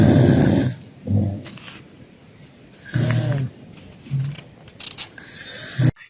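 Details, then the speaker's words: Unconscious man on 2 L/min oxygen by nasal prongs, saturation 98%: loud, coarse, rattling snores with irregular breaths, indicating partial airway obstruction despite normal saturation. "Yes, the snoring suggests he has partial airway obstruction. The normal saturation does not exclude obstruction particularly in a patient receiving oxygen."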